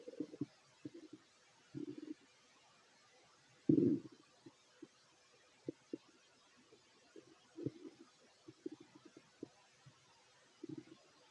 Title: [REQUEST] Fit male stomach growls while eating 😋 (Part 2)